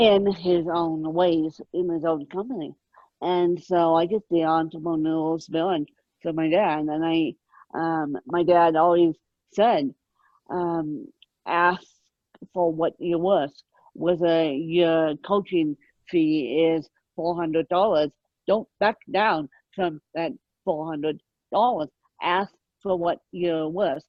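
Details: Ataxic dysarthria in an adult woman with moderate ataxic cerebral palsy present from birth, mid-spectrum severity; she needs 24-hour care.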